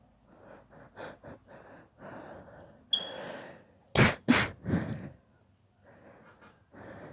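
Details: Young daughter's rapid allergy sneeze fit: a quick run of sneezes with short breathy gasps between them; allergic sneezing fit.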